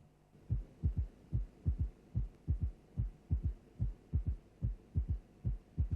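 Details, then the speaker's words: Simulated heartbeat at about 73 per minute with an extra soft, low thud just after the second sound: a third heart sound (S3 gallop), as may occur in heart failure or constrictive pericarditis. "Constrictive pericarditis and heart failure from any cause may give rise to either a left or a right ventricular third heart sound. Let us now listen to an example of a third heart sound."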